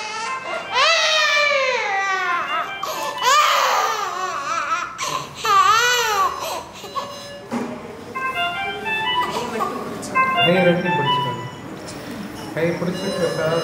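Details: Baby scared and crying before anesthesia at a facial plastic and maxillofacial surgery hospital: loud, rising and falling infant wails with sobbing breaths and background room sounds; distressed infant crying.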